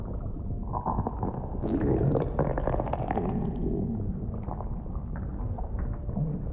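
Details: Simulated ASMR roleplay audio of stomach noises as food digests: continuous low gurgling and rumbling with bubbling and squelching, like loud bowel sounds.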